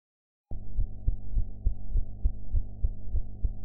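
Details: Regular low heartbeat thumps about 100 a minute over a steady hum, self-recorded heart sounds after eating; sound quality enhanced.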